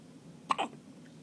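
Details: 2-day-old baby with the hiccups: a single abrupt, sharp gulping sound against a quiet background, a typical infant hiccup.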